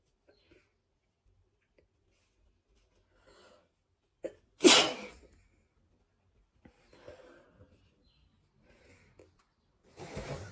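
One loud explosive sneeze with a quick inbreath before it, then sniffles and the start of another; sneezing with a cold.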